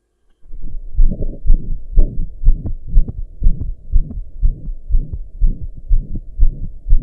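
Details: Regular heartbeat of about 120 a minute with a whooshing murmur, recorded lying down after the heart had finally calmed from pounding hard for hours; loud heart murmur.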